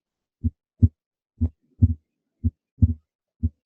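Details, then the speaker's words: Harvey cardiopulmonary simulator, stethoscope at upper left sternal border: normal heart sounds, timed with and varying with respiration. "if you listen very carefully not only does he have these heart sounds present throughout all the classical sculptory areas but Harvey's heart sounds are also timed with respiration"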